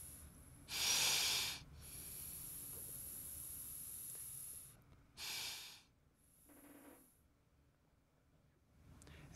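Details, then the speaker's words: Breathing through a PEP device: hissy breaths with longer, steady exhalations. "If you change to a coloured resistance with a smaller opening you will get a higher pressure if the patient is breathing with the same air flow."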